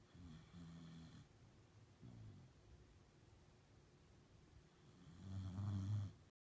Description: Dog Griffey snoring in bed